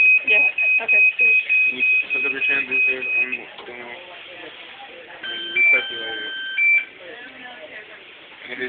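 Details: Steady electronic alarm tones under nearby talk, then a second two-tone alarm a few seconds later, from a dialysis machine during setup and testing, filmed on a student's phone in fall 2010.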